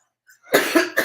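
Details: Two short, harsh coughs with a brief throat-clearing quality in a small room during a live stream; a cough with a cold.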